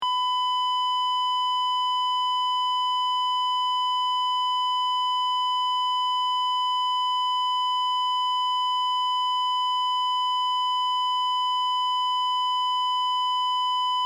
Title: Heart Monitor Flatline / Heart Monitor, Beep, Flatline, Hospital